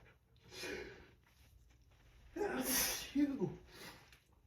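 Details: Morning allergic sneezing with pollen in full force: two forceful full-body sneezes with sharp intakes before them and breathy sounds afterward.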